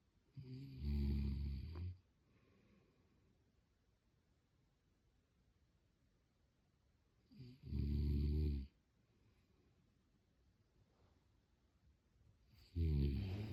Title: snoring